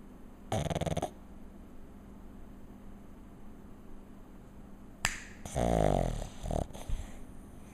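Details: Pug lying on his back asleep: a few loud rattling, snorting bursts in a quiet room; snoring.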